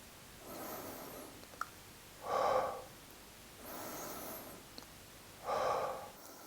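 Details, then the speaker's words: Autogenic drainage breathing demonstration, mid-range phase: larger breath in followed by small breaths out, repeated; slow audible breaths alternating in and out, about four in a few seconds, to loosen mucus. "to progress take a larger breath in aiming for a mid-range breath followed by small breaths out repeat two to three"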